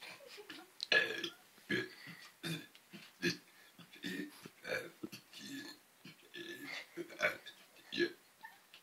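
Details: Deliberate burping used to recite the alphabet: a run of forced, voiced belches shaped into letter sounds, one after another.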